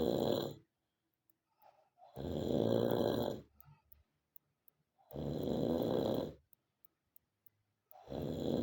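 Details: Animated cartoon snoring, not a real recording: loud, rough, rattling snores in a steady rhythm with silent pauses and faint ticking, alongside snorts and groaning.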